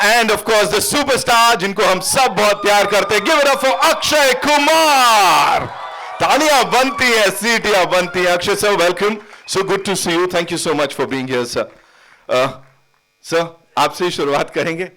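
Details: Adult event host; Normal speech.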